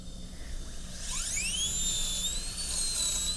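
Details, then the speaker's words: High-speed dental handpiece whine rising then steady over room hum, cutting an MOD class II preparation on tooth 29 in an Acadental typodont, burr leaned lingually to about 1 mm depth; simulated demo. "Now we're just going to look this way, lean the burr a little bit lingually."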